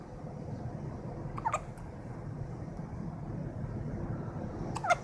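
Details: Two brief, sharp gulping sounds a few seconds apart over room noise from a two-week-old baby; hiccups.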